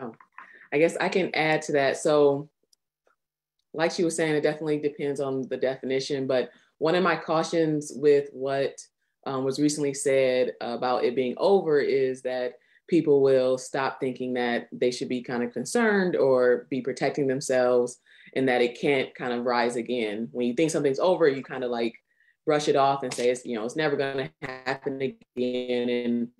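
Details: Adult speaker; ordinary speech.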